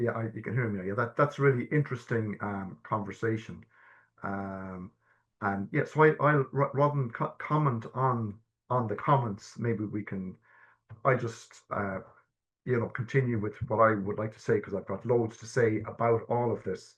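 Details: Adult man stammering since childhood, with early repetitions that became severe blocks at age 12, and secondary behaviours such as "um", restarting, coughing and filler words; he has had stammer-affirming therapy; stuttering (stammering).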